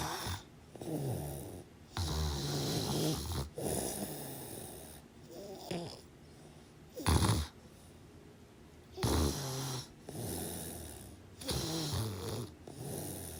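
Irregular snuffling snores and snorts of varying length and loudness, with short gaps between; uneven snoring.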